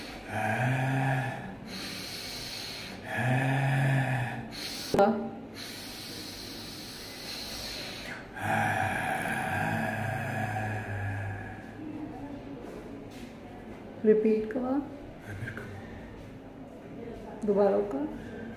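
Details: Dysphonia from unilateral vocal cord paralysis, recorded while repeating a voicing task before speech therapy.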